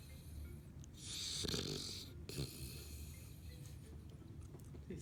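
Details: Small dog sleeping with his tongue out: snorting, rumbling snore breaths over a low background hum; snoring.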